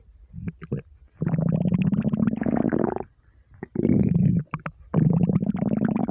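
Three long, deep, rolling stomach rumbles with a few short gurgles: ordinary borborygmi from an empty stomach.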